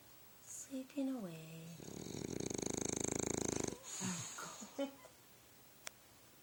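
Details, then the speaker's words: A sleeping bulldog snoring: a loud, fluttering, rattly snore lasting about two seconds, with a person speaking softly before and after. "This is Nacho sleeping. Sleeping"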